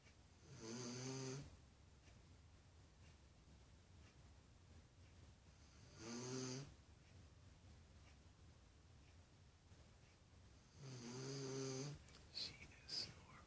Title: Snoring dog...Pt 1